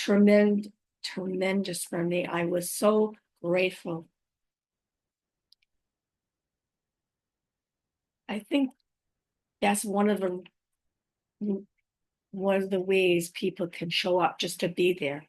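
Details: Woman five years after a stroke, who says she has aphasia, apraxia of speech and dysarthria; aphasia with apraxia of speech and dysarthria.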